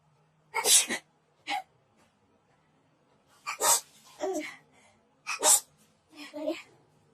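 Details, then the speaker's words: Young woman sneezing during a COVID nasal swab test: three sharp sneezes in quick succession, each with a breath drawn in beforehand; swab-induced reflex sneezing. "彼女のくしゃみが癖すぎるからみんなに見てほしい。"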